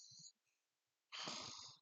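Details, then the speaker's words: A female dog snores deeply: two noisy, fluttering breath sounds with low rattling pulses, separated by a pause. "I don't know if you can hear her. She snores very deeply."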